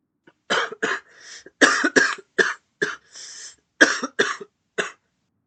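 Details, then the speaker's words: Adult coughing fit during a game livestream: a rapid bout of about nine harsh coughs broken by two short breaths in. "Sorry about that if you can hear me coughing and shit."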